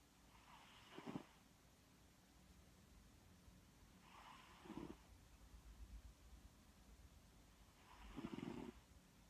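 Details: Snoring during a midday nap: three soft, regular, rattling snores on the in-breath, about 20 breaths a minute.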